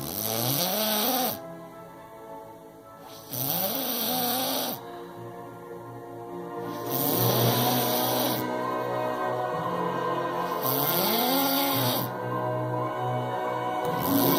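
Loud, rough snores on each breath in with groaning breaths out, about 19 breaths a minute, over background music.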